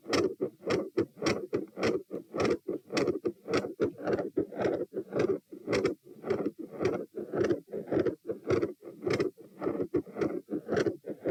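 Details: Recorded at position T while standing, 108–120 bpm: fast, loud heartbeat with rough noise filling gaps between beats; intermittent machinery-like murmur and gradually changing murmur after the second sound.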